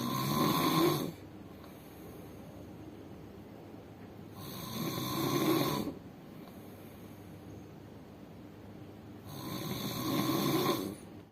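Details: Very loud, harsh snoring, described as louder than a large excavator: three loud snores on breaths in, about 12 a minute, with quiet pauses between them.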